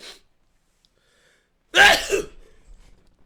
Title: WHO SNEEZES LIKE THIS?!